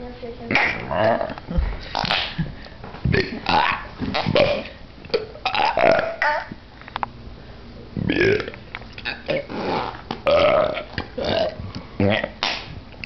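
Repeated long, rumbling belches one after another with brief gaps, plain burping.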